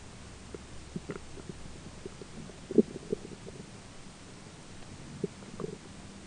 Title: stomach noises - digestion 1 some talking in bg